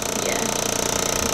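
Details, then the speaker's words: Steady buzzing mechanical vibration with a fast regular pulse from a vibration device applied to the hip to prepare tissue before radial shockwave therapy, in a patient recovering from total hip replacement at a chiropractic clinic. "Um this won't really feel like anything. Just kind of like vibrations."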